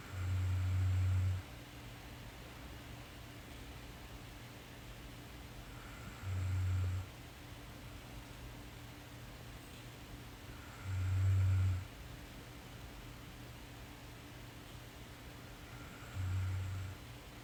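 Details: Korean girl snoring in sleep: low rumbling snores on each breath in, about 12 a minute, over steady room hiss.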